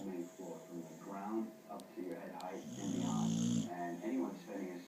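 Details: Sleeping dog snoring with a loud, buzzing, rattly rumble mixed with softer voiced snuffling.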